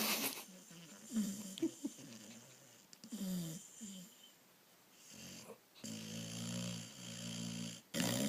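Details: A sleeping dog snoring: rough, rumbling breaths with nasal snorts.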